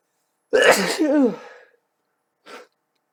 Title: Back and Sneezing Again